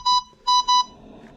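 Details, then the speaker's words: ResMed Astral 150 transport ventilator with a two-limb circuit, alarm volume being tested at its loudest setting: three loud, high electronic beeps in a short-long-long pattern. Ventilator alarm. "and then you can change your um volume so to make it super high or super low we can unlock that as we hold let's see if it'll how loud it gets it's pretty loud"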